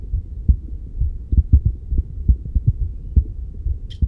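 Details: Regular low paired heart thumps at about 70 beats a minute, played through an iPad speaker, recorded with a Stemoscope or Stemoscope Pro digital stethoscope: normal heart sounds.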